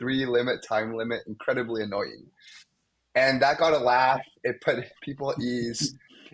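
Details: Stuttering in a male medical student who has stuttered most of his life, with blocks (especially on his own name) and sound repetitions.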